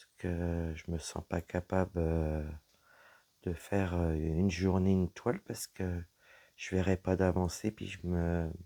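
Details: Woman whose vocal cords were damaged by a serious health problem; her voice is deeper than before, at times she has little voice, and she cannot speak loudly; low-pitched voice; dysphonia.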